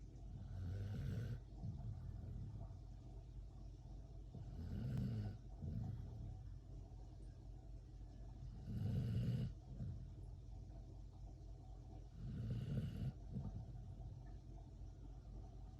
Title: Cute pitbull sleeping and snoring loud | #funnyvideo #dog